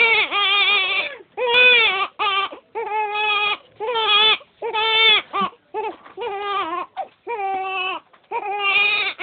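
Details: Infant crying: loud, high-pitched wailing bursts repeated with brief pauses for breath.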